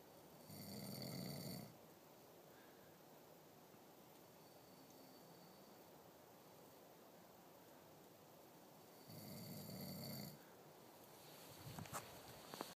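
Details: Man's snoring: loud, rumbling snores about eight seconds apart with quiet breathing between; heavy sleep snoring.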